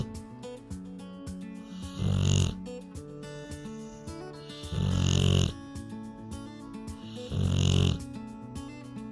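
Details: Rottweiler relaxing asleep on a red couch, recorded in real time while snoring continuously: loud, deep snores about 20 a minute with a whistling edge, music throughout; dog snoring.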